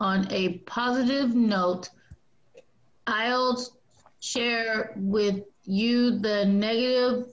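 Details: Woman in an aphasia community group with a history of traumatic brain injury and coma; her specific communication disorder not explicitly named; aphasia.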